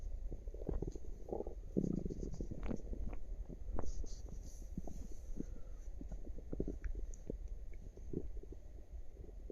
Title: Cute active tummy with some burps at the end